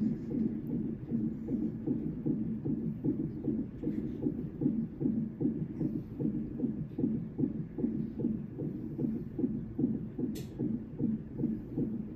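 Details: Fetal heart monitoring at 38 weeks 2 days on a labor and delivery monitor, NST-like, with a slipping probe: rapid, regular whooshing Doppler pulses at about 150 beats a minute; normal fetal heart rate.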